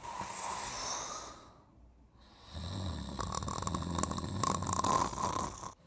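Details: Man snoring while sleeping without his anti-snore mouthpiece, in a comedy skit: a rough, rattling snore builds after a brief quiet pause, with a steady hum and room noise behind it.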